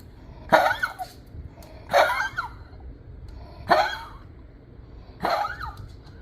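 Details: Dog with heart failure gives four short, harsh, honking coughs about every two seconds: cardiac cough.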